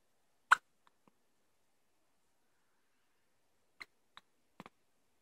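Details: Person with hiccups: short, abrupt hiccup sounds in a quiet room, one strong, then several softer ones at irregular gaps.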